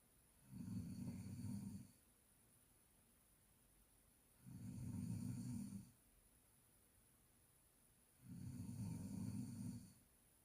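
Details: Snoring: three low, buzzing snores at a steady rhythm, about one every four seconds, over a faint steady background hiss.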